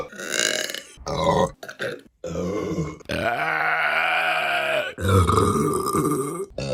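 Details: Repeated belching from a burping compilation: a run of loud, drawn-out, voiced burps, one held for about two seconds.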